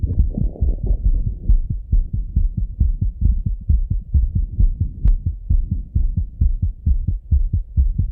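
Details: Male's own heartbeat through a stethoscope after coming home from a run: fast, regular low thumping at about 130 beats a minute; normal heart sounds after exercise.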